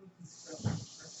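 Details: Speaker's own real mechanical ventilator during podcast recording: a steady airy hiss with a soft low puff midway, ventilator flow noise; mechanical ventilator breathing noise.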